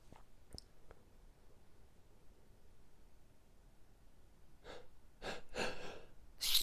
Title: Dinner Sneezing